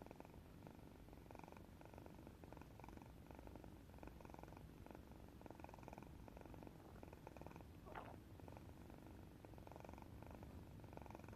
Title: Cat snoring เสียงกรนของแมว #cat #แมว #kitten #katze #歌ってみた #แมวน่ารัก #ทาสแมว